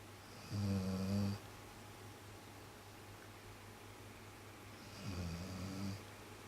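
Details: Snoring during sleep, long mistaken by household members for each other's snoring: two low, rumbling snores about four seconds apart in a quiet room.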